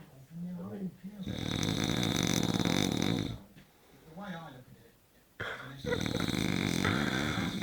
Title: Man Snoring LOUD sleeping like a baby